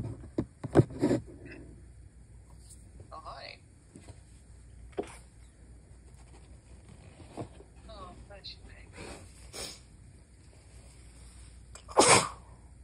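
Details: Several muffled sneezes held back at night to avoid waking someone, with one louder burst near the end in a quiet room; stifled and failed-stifled sneezes.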